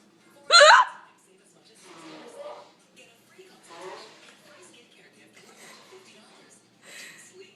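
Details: Big hiccups: one loud, abrupt hiccup, a sudden involuntary gulp of air cut off by the throat, followed by quieter breathy vocal sounds.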